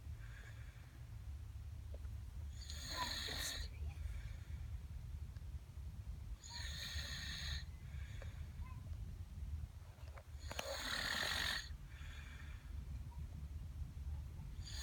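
Rough rasping breaths every few seconds over steady low room hum: snoring in a sleeping child.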